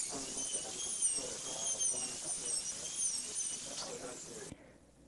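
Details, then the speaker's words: High-pitched whine wavering as a diamond bur smooths the preparation edges of a maxillary incisor prepared for a PFM crown, stopping near the end; high-speed dental drill. "using the diamond bur smooth and sharpen the edges of the preparation clean up any discoloration or burn marks left by the Fisher and football-shaped burs but be careful not to over prepare the tooth"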